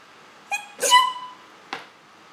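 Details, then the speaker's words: A girl's real, not fake, sneeze: tiny, high-pitched and squeaky, kitten-like, with a short intake and a sharp burst. "But basically, this is the sound I make. I was actually doing a video and I sneezed, so I decided to use this sound."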